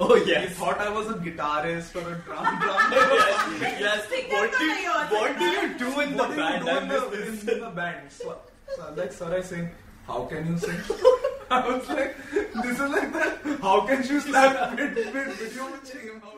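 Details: Stuttering (stammering, described as neurological, a tense struggle to get words out) in a 26-year-old man who works as a singer, composer and music producer.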